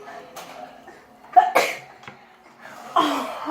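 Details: Sneezing as a prank on a germaphobic person: a few sharp, explosive bursts with short indrawn breaths between them, against quiet room sound; sneezing.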